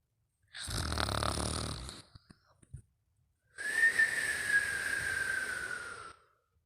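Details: Snoring with nasal whistling: a rough snoring breath in, a few soft clicks, then a long whistling breath out through the nose.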